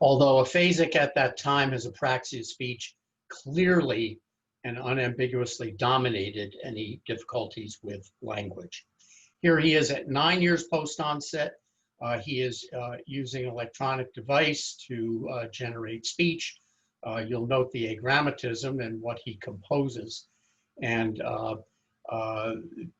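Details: Adult male lecturer; typical speech.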